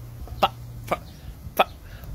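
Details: Three short, abrupt cough-like bursts at irregular intervals from an adult with Tourette syndrome: simple vocal tics.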